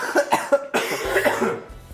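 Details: An adult who was sick while filming gives a quick run of short, dry cough bursts, with music playing faintly in the background; an ordinary cough.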